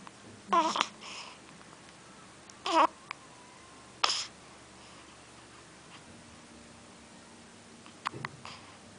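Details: Newborn baby with hiccups: short, sudden squeaky jolts about every two seconds, with pauses between them.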